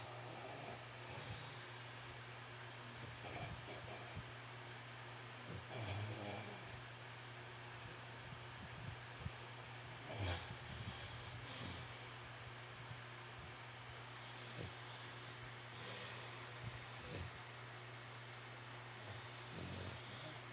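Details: Snoring contest between a louder human snorer and a female pet snoring at the end; it is unclear which one this is. Repeated snorting snores and noisy breaths every few seconds over a low hum during sleep.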